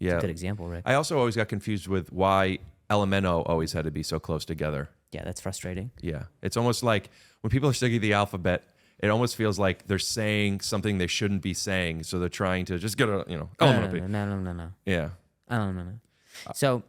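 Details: Adult male speakers in conversation; ordinary conversational speech.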